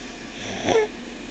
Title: 04-16-08 Snoring Junebug